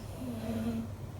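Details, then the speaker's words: Pet dog snoring on the other side of a closed door: a single low, buzzing, muffled snore with faint room noise. "So instead, she's sitting by the door on the other side of the door snoring, and I can hear as clear as day, and you probably can too."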